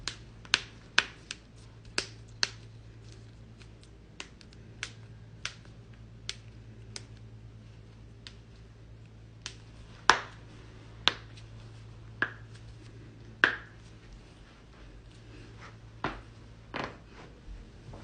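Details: Loud back crack and more joint cracking in a compilation; sharp, loud pops and clicks, about 18 a minute and irregular, over a low room hum, joint cavitation during manual adjustment.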